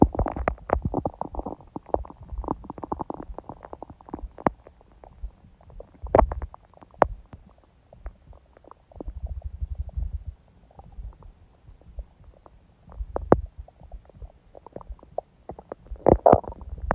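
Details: Adult's quiet abdomen on a day of a smoothie breakfast and salad, with little hunger growling: soft, quiet gurgles and low rumbles, ordinary bowel sounds (borborygmi).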